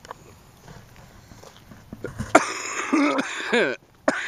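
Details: After a quiet stretch, an adult gives a short run of harsh, throaty coughs outdoors on a mountain while lighting up to smoke.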